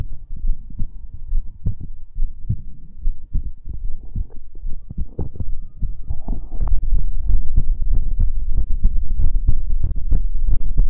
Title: ASMR Heartbeat Sounds and More | Heartbeat ASMR #37